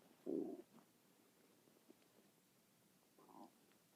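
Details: Stomach noises that keep going for about six minutes; quiet recording with a short low gurgle, then a softer second rumble. Borborygmi.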